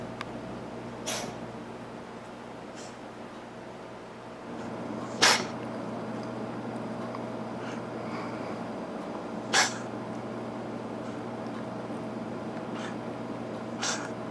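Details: Cat with daily coughing episodes lasting 20–30 minutes, never producing a hairball; owner worries about possible feline asthma: four short, sharp, airy bursts about every four seconds, a dry cough.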